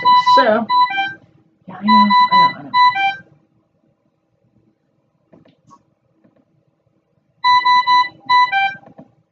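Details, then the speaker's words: Ventilator alarm on a Dräger Evita XL during a respiratory therapy student's demo on a simulated patient: loud repeating melodic electronic alarm bursts, pausing then resuming. Settings are high tidal volume alarm 800 with about 450 delivered, high rate alarm 35, total rate 30, spontaneous about 15. "we're in stand by minute now so that I can actually talk without this thing beeping at me all the time"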